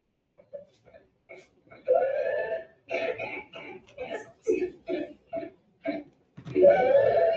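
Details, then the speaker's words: Presented as believed whooping cough (possibly croup): rapid run of short coughs ending in a long, high-pitched drawn-in whoop; whooping cough (pertussis). "So they call it whooping cough because they say whoop while they're coughing"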